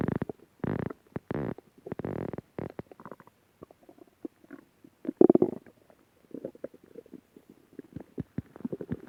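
Long gurgling and rumbling from an adult's stomach, with bubbling pops. Ordinary stomach growling.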